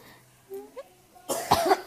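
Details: A single rough cough burst after faint quiet sounds, from a person coughing during flu.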